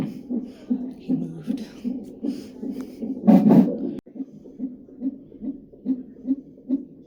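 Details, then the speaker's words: Second or third trimester prenatal appointment: fast, regular whooshing fetal heartbeat on Doppler, about 140–150 beats a minute, with a brief louder rumble of fetal movement; fetal heartbeat. "He did all his movements, heard his heart. I love that sound. That's my favorite thing."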